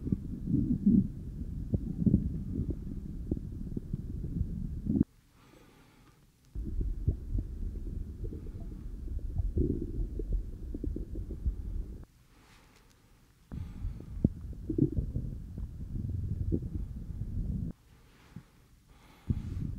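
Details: Normal active bowel sounds: low gurgling and rumbling heard with an Eko electronic stethoscope on the abdomen of a supine adult with knees bent, during an OSCE exam for suspected GI complaints.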